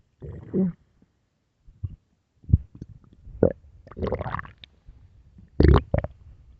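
Irregular low gurgles and rumbling bursts from the belly: ordinary stomach growling, bowel sounds of gas and fluid moving through the gut.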